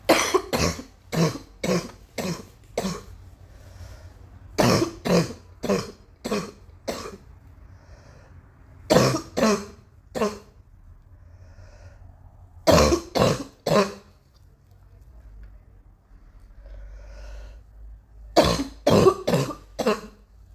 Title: still coughing